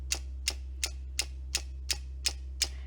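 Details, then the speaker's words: Derminator 2 microneedling pen, used at home for facial acne scars, running at its slowest of three speeds with a needle depth set: regular sharp ticking of about three clicks a second as the needles move in and out. "This device has 3 different speed settings: slow, medium, and fast. To demonstrate, I'm going to put a depth on, that way you can hear it. So this is slow,"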